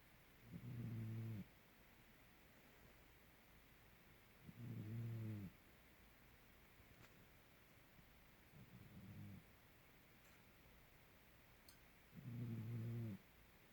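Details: Snoring during sleep: four low, rattling snores about four seconds apart, a breathing rate of roughly 15 breaths a minute, over quiet room hiss.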